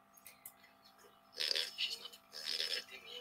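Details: Pug after a 3-minute exercise test: nasopharyngeal stertor.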